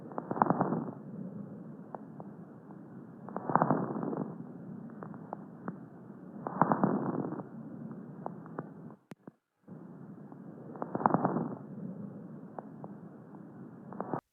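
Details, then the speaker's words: Fine crackles: brief explosive pops late in each inspiration, about 19 breaths a minute, spread over most of the chest and not transmitted to the mouth; heard in pneumonia, bronchiolitis and pulmonary fibrosis. "crepitantes finos son ruidos explosivos cortos presentes al final de la inspiración se localizan en la mayor parte del tórax no se transmiten a la boca"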